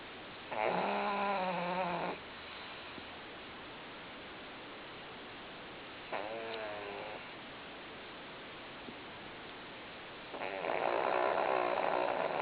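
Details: Loud, rattling snores with long quiet gaps, about three in twelve seconds, from Lily, a sleeping, motionless pug; snoring.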